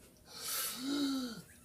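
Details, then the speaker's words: Lung auscultation during a patient assessment of an alert adult man on 15 L/min oxygen by non-rebreather mask, breathing in and out on command: normal breath sounds, clear lungs. "Breathe out. He seems to have clear lungs."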